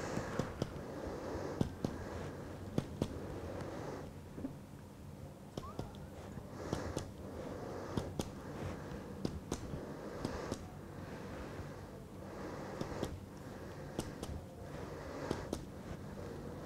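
Paired finger-percussion taps on the chest give short, flat, dull thuds against room hum: a dull note marking the lower right heart border.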